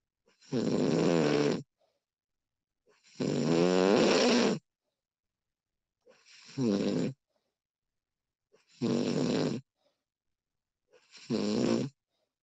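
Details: Repeated rough, vibrating snores on each breath in, about 23 a minute, with silent gaps between, from a sleeping woman recorded during sleep; snoring.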